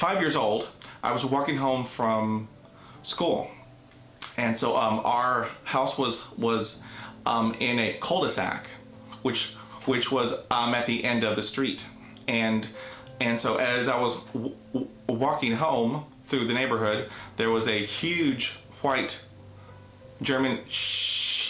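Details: Adult man's neurogenic stuttering, attributed to a dog attack at age five, after which he did not speak for almost a year; severe enough to need speech therapy from grade one through high school, college and the Air Force.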